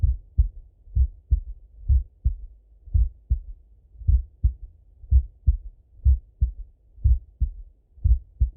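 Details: Male full heart auscultation, recorded partly sitting at a desk and partly lying in bed: clear paired lub-dub beats at about 70 a minute, steady rhythm, no extra sounds; normal heart sounds.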